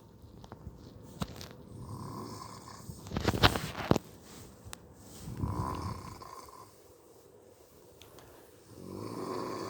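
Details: Repeated rough, fluttering snores on each in-breath, about every three and a half seconds, with a brief clattering noise between them: snoring.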